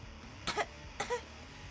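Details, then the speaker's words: Two short, forceful coughs from an adult, each with a rough, gravelly voiced tail over faint room noise; the speaker describes a habitually brutal, aggressive cough. "isn't it brutal I have such a brutal cough I hate it"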